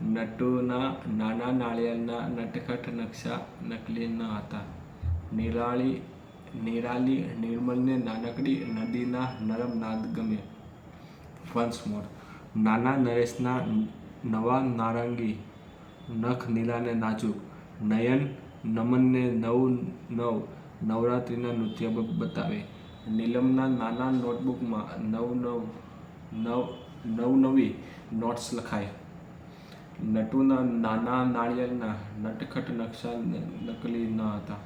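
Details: Adult man who stammers, speaking freely in continuous-speech practice as part of a daily speech practice routine; stuttering.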